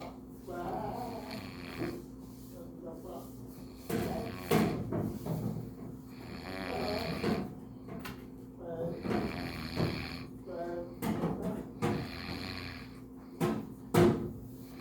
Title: snoring up a storm while sleeping LOL!!